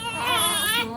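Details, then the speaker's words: One-month-old newborn twin crying during a home 30-day photo shoot: brief, high-pitched wailing cry, an ordinary newborn cry. "촬영을 하면서 깨달았는데 쌍둥이는 둘 모두 한컷에 당기가 쉽지 않다. [울음] 촬영할 때 둘 다 울어니 하나도 정신이 없었고 촬영도 [울음] 제대로 할 수 없었다."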